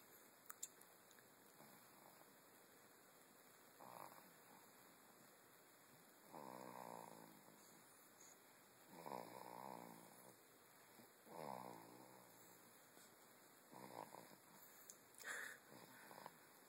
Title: Snoring like a boss